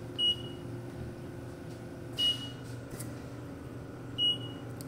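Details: Short high beeps about every two seconds over a steady machine hum: the alarm of a new Philips Respironics oxygen concentrator at maximum flow, with oxygen purity checked at about 97–98% on an Envitec monitor.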